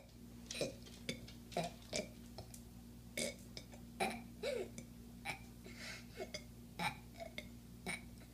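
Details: A rapid run of about fifteen short, small burps over a steady low hum; burping.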